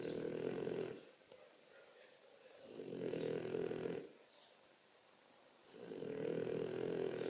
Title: The biggest snoring ever!!!